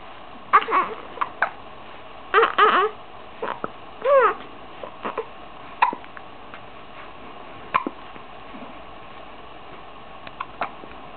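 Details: Hiccups in a 15-day-old baby, a recurring episode: short, abrupt voiced catches recurring irregularly, about 33 a minute, over quiet room noise.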